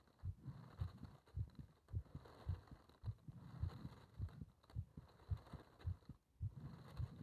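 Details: Regular low thumps at about 105 a minute over muffled rumbling background; heart sounds during paper-bag rebreathing, part one.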